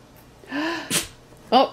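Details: Dog prompted by its owner to sneeze repeatedly: a sudden sharp nasal burst between brief human vocal sounds in a quiet room; dog sneeze.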